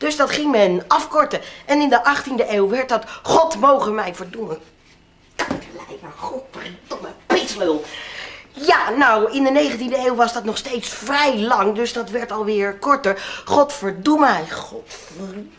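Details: Adult male performer, acted imitation; Vocal tics with coprolalia (Tourette syndrome), acted.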